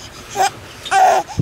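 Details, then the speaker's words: 5-month-old baby girl on a sailboat giving a hiccup cry: two short, high-pitched cry bursts with a brief catch between them, a crying spell broken up by hiccups. "Oh, I was gonna get her doing her hiccups. The hiccup cry."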